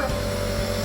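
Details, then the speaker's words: Omron compressor nebulizer switched on with saline only, no Ventolin, for a child with cough and cold: steady motor hum and buzz, mist coming out; compressor nebulizer running. "Oke, kita nyalakan ya, teman-teman. Ini tidak menggunakan Ventolin ya, teman-teman."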